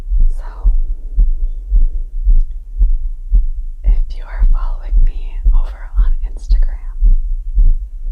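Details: Adult's strong, regular heart thumps at about 115 a minute after yard work, recovering heartbeat; fast but normal rate after exertion, sinus tachycardia.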